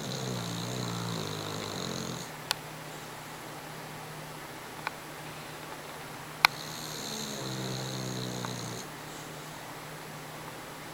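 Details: Sleeping dog gives two loud, buzzy, whistling snores about five seconds apart, with quiet breathing and faint room hum between; snoring.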